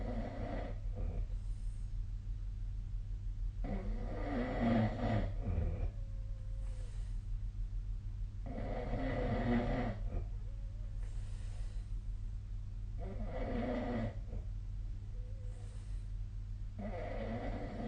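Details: Snoring recorded 1 February 2025: rhythmic rough snoring on each breath, about four snores in 18 seconds, over steady low room hum.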